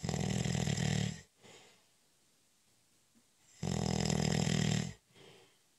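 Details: Snoring during a short, light nap (cat nap): two long, loud, rough snores, each followed by a short, soft breath out, with quiet between.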